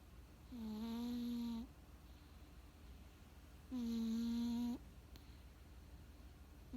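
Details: Sleeping cat snoring: two long, tonal, droning snores about three seconds apart, roughly 19 breaths a minute, over quiet room noise.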